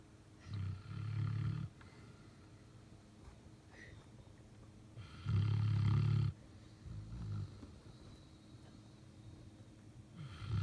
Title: BELGIAN MALINOIS SNORING!!!!Robbie is snoring under the bed !